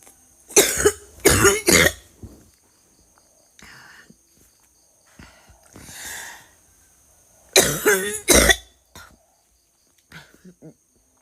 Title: cewe batuk muntah